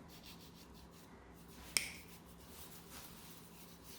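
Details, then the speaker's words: A single sharp snap from large single-use nail nippers cutting back the first layer of a female patient's very dark, thick, distorted toenail, tested and diagnosed as a fungal nail infection, over steady room hiss. "So this is, see, this lovely thick kind of fungus nail there. You can see how yummy it is. And we're just going to cut that all the way back."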